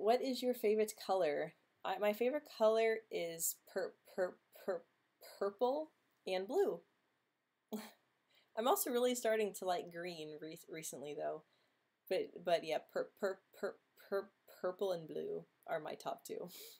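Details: Woman who says she stutters, speaking during a livestream hangout; stuttering.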